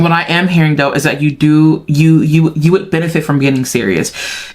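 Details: Intermittent stuttering with audible word repetitions in a female speaker, who says it happens because her mind moves faster than her mouth can keep up.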